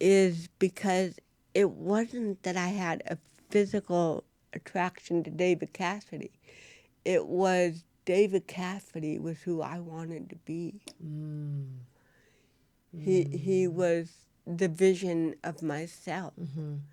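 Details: Real-life speech from a woman, an actress, who has cerebral palsy; dysarthria (cerebral palsy).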